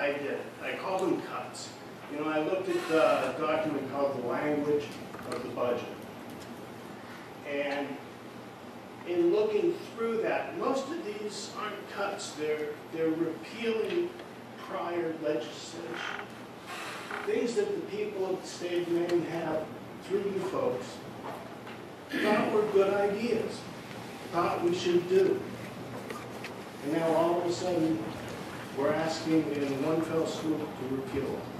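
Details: Adult man speaking; normal speech.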